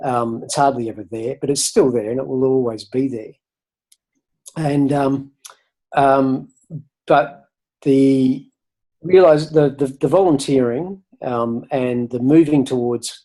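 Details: Adult man who has stuttered since about age eight, covert for decades, now hardly noticeable after years of volunteering to speak and public speaking practice; stuttering.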